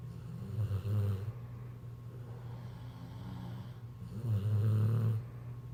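Low, rumbling snores about four seconds apart, with quieter breathing between them.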